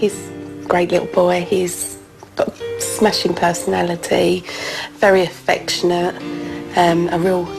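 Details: Adult speaker; normal speech.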